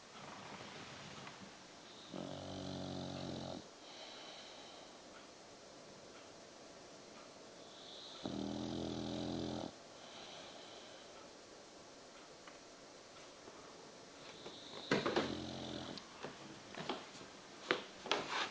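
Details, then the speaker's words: A Victorian Bulldog snoring in sleep: loud rattling snores on two slow in-breaths, with quiet breathing between and brief rustling at the end. "snoring, mate? You snoring? That's it, you go back to sleep, mate."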